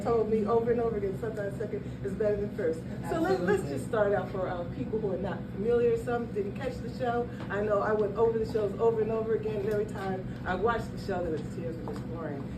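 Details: Young adult male speaker; conversational speech.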